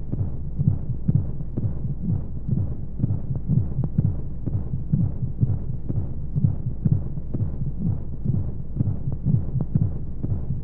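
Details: Womb sound sleep aid for babies: soft, regular low thumps, about 125 a minute, under steady muffled whooshing flow noise and white noise, like a heartbeat from inside the womb; heartbeat.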